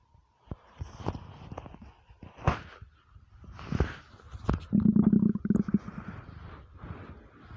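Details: Deep, long empty-stomach rumbles with gurgling and a low droning growl; normal bowel sounds (borborygmi).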